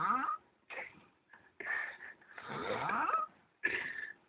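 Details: Sleeping person recorded by his brother: irregular snorting and whistling breaths with squeaky, wheezy rises and falls, a loud, unusual snore.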